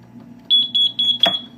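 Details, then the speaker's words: Four quick high-pitched electronic beeps: the fluid leak detection alarm of an NxStage home hemodialysis setup, tested during pre-treatment checks before nocturnal home hemodialysis. "NxStage fluid detection system is being used. Yes. Okay. So, if there is a fluid leak, it will alarm."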